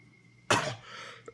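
A single sharp, explosive cough from an adult with a cold, fading quickly into quiet room noise.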